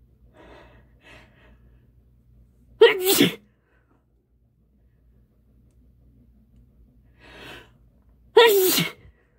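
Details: Woman: two loud, wet, spraying sneezes, each after a brief catching inhale; sneezing.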